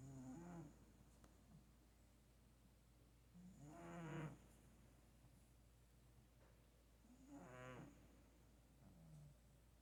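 Soft, low rumbling snores on each breath in, roughly 17 breaths a minute, with some variation in tone; a sleeping cat's ordinary snoring.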